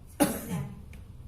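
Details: One forceful voluntary cough from a 35-year-old man in an internal medicine ward, taken after slow deep breaths, during nursing chest physiotherapy and effective-cough training to clear sputum.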